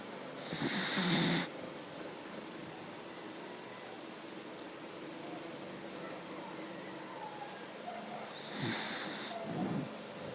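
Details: Two soft, rough breathing noises about eight seconds apart against steady room hiss, from a sleeping dog; quiet snoring.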